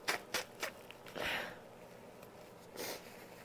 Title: More induced sneezes, stifles and nose blowing (F)